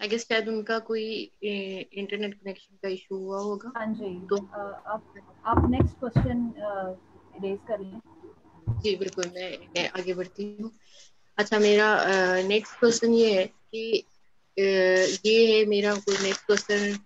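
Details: Adult woman; fluent speech.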